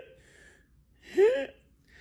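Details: Doctor's vocal imitation (simulated), not a patient recording: a single harsh, high-pitched, rising noise on inspiration, demonstrating croup, which also has a barky cough. Inspiratory stridor.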